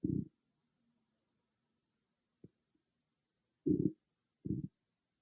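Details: A loud stomach growling, recorded on an iPhone with no ASMR microphone: several short, low gurgling growls in a quiet room; ordinary bowel sounds (borborygmi).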